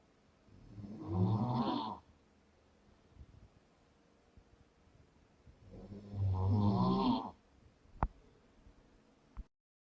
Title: The sound of snoring during sleep